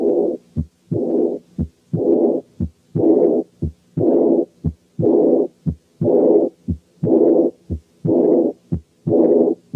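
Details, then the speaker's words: Early diastolic murmur of aortic regurgitation: very high-pitched murmur starting immediately after the second sound with no gap, relatively loud at first then gradually fading (decrescendo). "ثانيا very high pitched. ثالثا بتبتدي عالية نسبيا الأول وتقل بالتدريج، يعني دي كريشندو."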